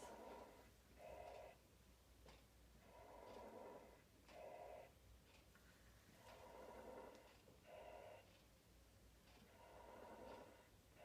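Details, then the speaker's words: Inspiratory crackles on chest auscultation under the armpit by a physiotherapist, with breathing at about 18 breaths a minute. "okay so I can hear some crackles on inspiration there"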